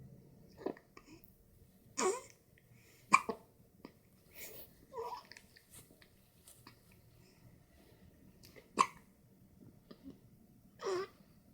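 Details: Newborn baby, 1.5 weeks old, with hiccups: several short, abrupt hiccups with soft grunts and breaths between them.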